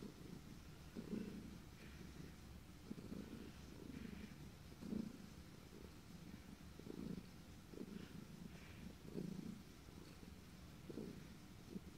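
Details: Cat with hiccups while purring: steady low purr broken by brief jerky catches about every one to two seconds.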